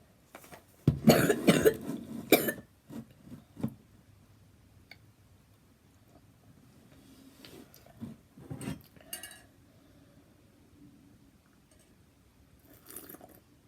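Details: Cough from someone getting ready for school, with an ear infection the day before: a burst of several coughs and throat clearing, then softer single coughs; mild cough.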